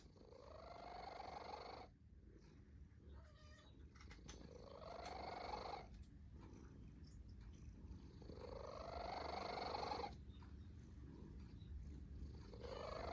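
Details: Cat snoring while asleep, with a rising, rattly noise on each breath in, about 15 breaths a minute.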